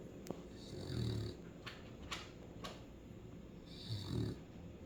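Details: Hound dog asleep snoring: two low, rumbling snores about three seconds apart, a few faint clicks between.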